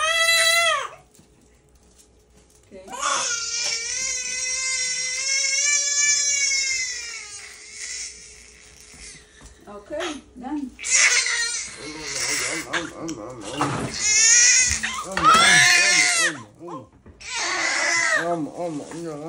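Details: Two-month-old baby boy crying after his 2-month vaccination shots: loud, sustained wailing bursts with short gasping breaks while quieter adult voices soothe him.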